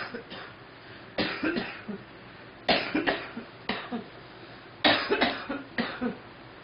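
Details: Girl coughing: several sharp, explosive coughs in short bursts of two or three, separated by brief pauses, in a quiet room.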